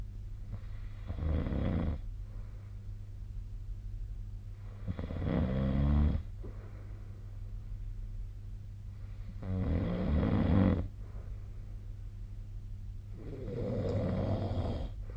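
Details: Sleep snoring recorded 2025/02/09, SnoreLab snoring app linked: loud rattling snores on each breath, about 15 breaths a minute, over a steady low room hum.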